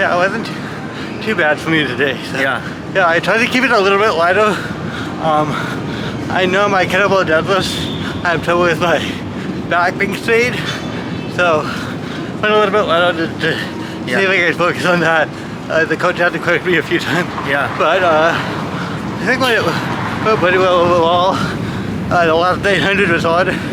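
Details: Adult male adaptive athlete with cerebral palsy from brain damage after lack of oxygen at birth when his heart stopped; speech is among his biggest challenges alongside balance and coordination; dysarthria (cerebral palsy).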